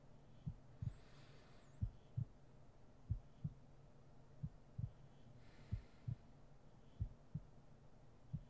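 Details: ASMR roleplay sleep-aid heartbeat recording: soft, regular paired low thumps at about 47 beats per minute with faint room noise; a normal heartbeat.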